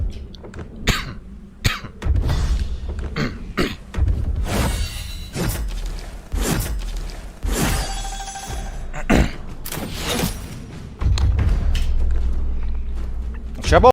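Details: Adult man, ill with a suspected infection caught from crowds, coughs repeatedly in short, harsh bursts during a live stream over low hum and faint music; persistent cough.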